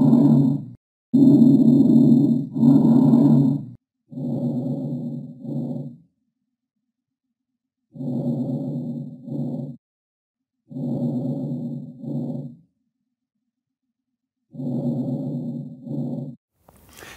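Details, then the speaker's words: Diminished breath sounds heard with a stethoscope over the lower lung base with a pleural effusion, which is dull to percussion: a few louder breaths, then soft, muffled breath sounds from reduced airflow. "why that's happening is because when you put in your stethoscope over the lower base where that diffusion is there's no airflow in that region and so we have reduced breath sounds"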